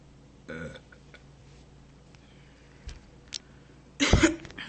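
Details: A woman burping in a quiet room: a short low belch early on, then a louder, longer burp near the end.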